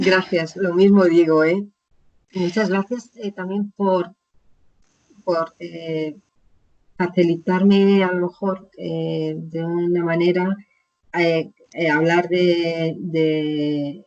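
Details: Aphasia in an adult woman, founder of an aphasia foundation, after a stroke about 20 years ago; Spanish speaker, real patient in chronic stage with ongoing therapy.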